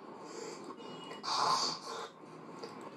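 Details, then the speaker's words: Sleeping child snoring with obstructed breathing, one loud, rough, snorting breath; possible adenoid enlargement or nasal polyp suggested as cause of childhood snoring. "আপনি দেখুন আপনি কি বাচ্চারা ঠিক আছে মোটেই না দেখুন কেমন ঘুমাচ্ছে দেখুন"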